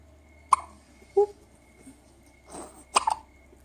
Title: Hiccups and yawns